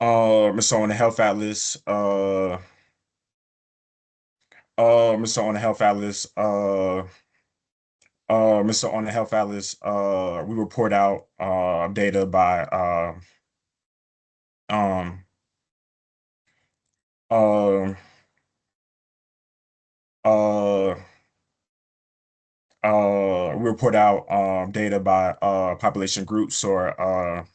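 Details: Stuttering in an adult male epidemiologist who says he stutters, with prolongations of words or sounds, blocks and repetitions.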